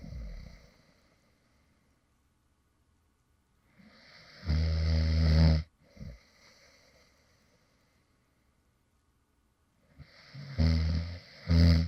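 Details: Light snoring from a sleeping adult man who fell asleep while recording: low rumbling snores on the in-breath, separated by quiet pauses.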